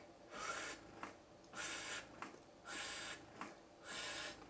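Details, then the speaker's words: Rhythmic hissing suction cycles with soft clicks from a Spectra breast pump in expression mode, cycle speed being raised from 38, the slowest setting, toward 50 cycles per minute. "so 38 i don't know if you can hear this 38 is a very slow as we increase that before we go to 50 now we're at"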